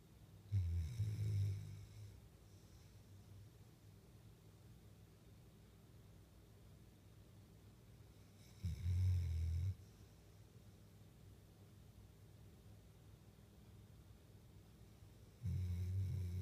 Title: Peaches snoring